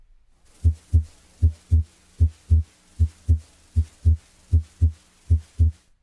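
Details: Regular lub-dub heart sounds at about 70 a minute, heard with the stethoscope diaphragm; normal physiologic splitting of the second sound with breathing.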